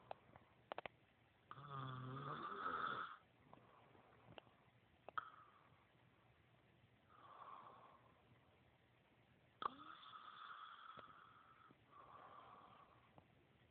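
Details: Loud rattling snore on a breath in, dubbed "the snore of death", followed by quieter snoring breaths over several cycles in a quiet room; snoring.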